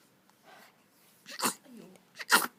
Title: Baby sneezes